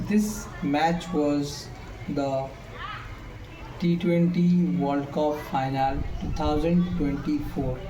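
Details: Male speaker with self-reported stammer; pauses between phrases; stuttering.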